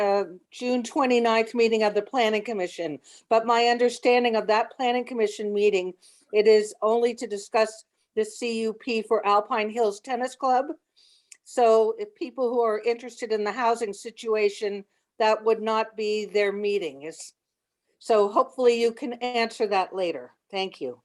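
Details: Adult woman speaking; Normal speech.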